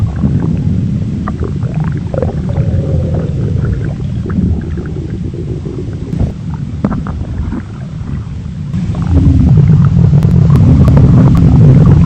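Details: Stomach noises in an animated skit: low, continuous gurgling and rumbling with faint squelches that grow louder toward the end, like the bowel sounds of a rumbling stomach.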